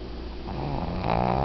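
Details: Loud, rattling snore building in strength from a 12-year-old Shih Tzu who has snored since she was a puppy; snoring.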